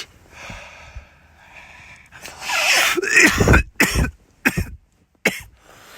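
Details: A strained, wheezy inhalation followed by four harsh, explosive coughs in a row, performed in a comedy skit about smoking.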